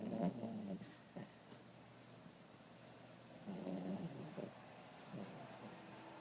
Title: Lazy bulldog/wawa. Snoring